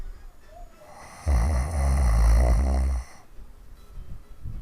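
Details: Snoring hard, recorded 2015: one loud, deep, rattling snore lasting about two seconds between quieter breathing.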